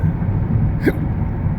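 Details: Single short hiccup over steady car engine rumble from a patient with intractable hiccups since 2015, awaiting esophageal manometry testing at UCLA.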